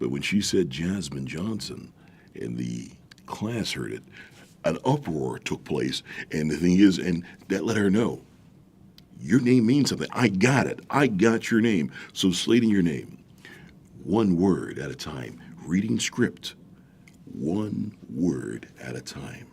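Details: Adult man with a stuttering disability who feels the stutter coming before it happens and concentrates on one word at a time; stuttering.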